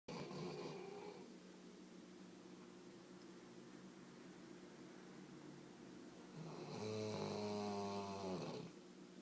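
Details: Sleeping dog described as the loudest sleeping dog ever heard: soft steady breathing noise with two low buzzing snores, one at the start and one near the end; snoring.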